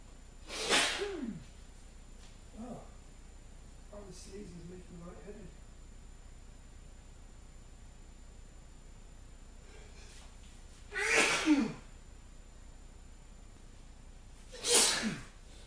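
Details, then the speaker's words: Adult male deliberately sneezing on camera, reporting an itchy, irritated nose: three sharp sneezes over about fifteen seconds with faint murmurs between them. "I told you I was going to sneeze. I've got a really itchy nose. As you can see, it's making me sneeze a lot."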